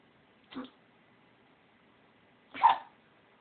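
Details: Sneezing fit in a female dog: two short snorting sneezes, the second louder, in a quiet room.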